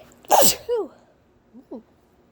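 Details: One loud explosive adult female sneeze, then brief voiced breaths and small hitching catches afterward.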